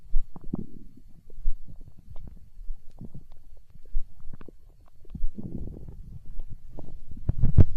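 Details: Stomach growling from hunger, with deep continuous gurgling and rumbling and bubbly pops: borborygmi.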